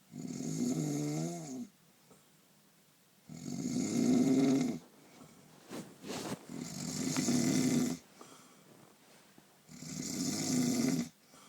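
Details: Snoring during a painful night's sleep: loud, rough snores on each in-breath, about four in eleven seconds, with quiet out-breaths between; ordinary snoring.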